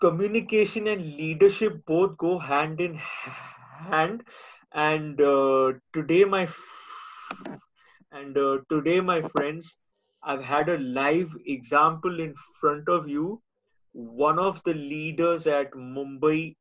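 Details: Adult male speaker; stuttering.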